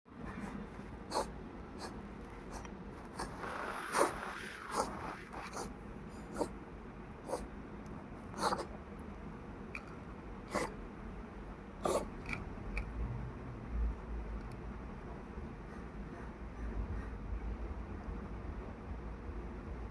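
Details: Cat coughing: a series of short, sharp, dry hacking bursts.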